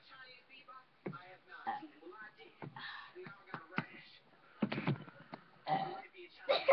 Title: BURPING CONTEST ?!?!?!?!?!?!?!?! LOL